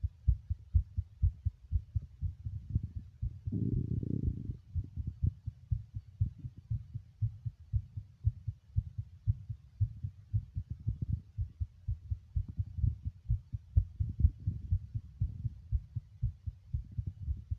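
Fast, steady low thumps of a heartbeat at roughly 120 to 125 beats a minute, with a brief rustle partway through.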